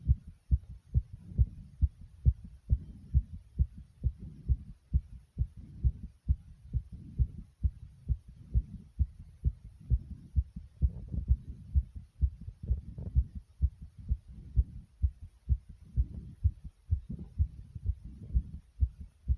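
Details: Rapid, strong heartbeat at about 130 a minute with heavy breathing rushing underneath, recorded after doing jumping jacks: fast heartbeat after exercise.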